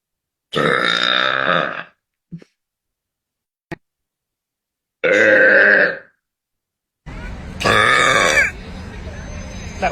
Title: Frank Zappa used my burps on the 1988 tour